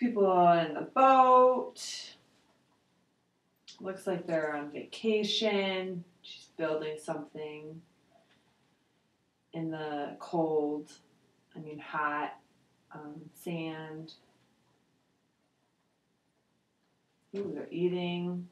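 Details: 72-year-old man with aphasia after a stroke in July 2003, with bilateral sensorineural hearing loss, doing the Western Aphasia Battery Revised picture description; aphasia with word-finding difficulty.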